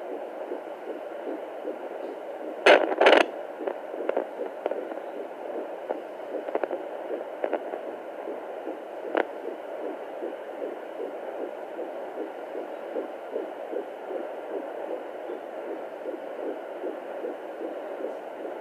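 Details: Fetal heartbeat at 14 weeks of pregnancy through a hissy Doppler monitor: fast, steady whooshing at about 150 beats a minute.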